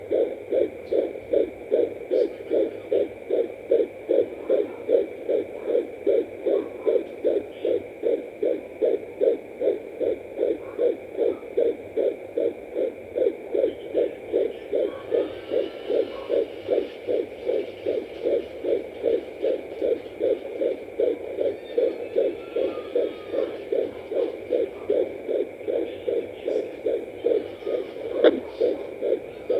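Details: Fetal heartbeat at 14 weeks 5 days of pregnancy on a home fetal Doppler: rapid, steady whooshing heartbeat, about 150–155 beats per minute.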